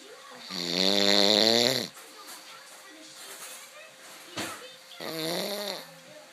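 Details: Two loud, rattling, voiced snores on breathing in, separated by quiet breathing; plain snoring.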